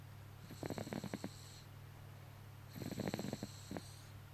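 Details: Snoring from a sleeping baby: two rattling, fluttery breath sounds about two seconds apart, over a steady low hum.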